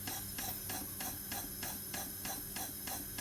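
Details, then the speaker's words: Intrapulmonary percussive ventilation (IPV) set up in line with a ventilator circuit, pressure ideally 30–40, alternating hard and easy settings to loosen secretions: rapid, even mechanical pulsing about three beats a second with a steady hiss. "we also want to fluctuate between Favre and easy because what that does is it loosens up the secretions"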